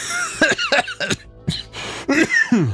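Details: Cough from an adult with a stuffy nose who has taken over-the-counter medicine including Tylenol.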